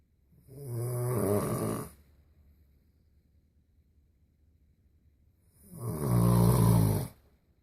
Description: World's loudest snoring!